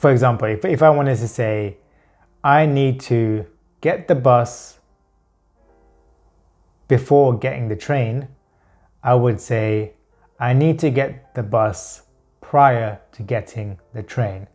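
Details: Adult man who stammers with pure blocks, unable to produce even the first sound of a word, and who substitutes words to hide blocks; stuttering (blocks).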